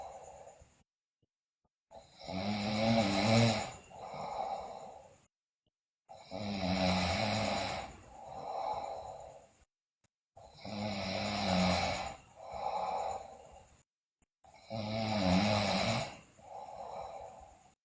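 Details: Loud, rumbling snores on each breath in, followed by a softer breath out, at about 15 breaths a minute, from a sleeping girl also described with bruxism and delirium; loud snoring.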